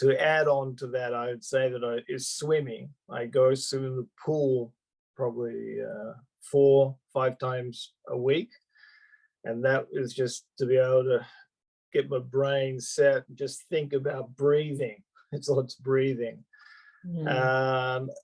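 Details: Adult male stroke survivor with post-stroke aphasia, speaking spontaneously. Finding: aphasia.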